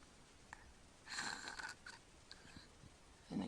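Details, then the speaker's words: A sleeping child is quiet while holding his breath, then gives a noisy snorting gasp with a whistling edge: recovery breath after obstructive sleep apnea, one of repeated episodes. "he's still holding his breath and that's going to gulp again there he goes"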